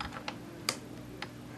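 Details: Several sharp, separate clicks against quiet room hum: YAG laser shots fired at an eye floater during YAG vitreolysis, breaking floater material into small bubbles.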